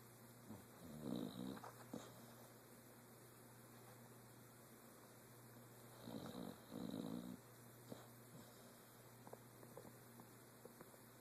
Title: And you think your husband snores.......